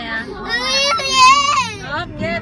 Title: 20150208 crying